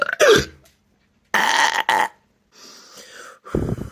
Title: Hiccups and burps